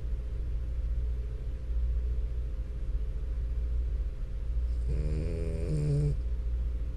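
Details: Sleeping French Bulldog: steady low droning breathing with a loud rattling snore near the end; snoring.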